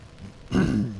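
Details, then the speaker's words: A single low, rough throat-clearing burst from an adult man after a quiet lead-in. "mmm-hmm excuse me cold weather makes me c"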